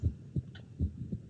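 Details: Simulated heart sounds in a DxR Clinician virtual-patient chest exam, with a stethoscope on the chest, e.g. checking for possible CHF: two low paired beats at about 78/min.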